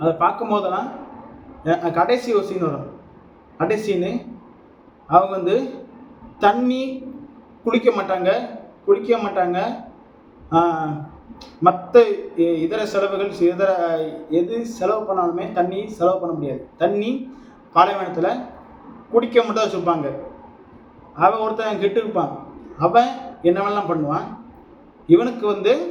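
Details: Adult Tamil-speaking man who says he stammers and speaks with some stammering; stuttering.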